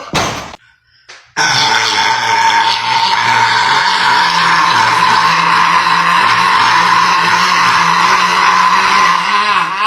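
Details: Burp in a Sprite-drinking burp challenge: a brief sound, a pause, then one long, loud, rasping belch held for about eight seconds; prolonged burping.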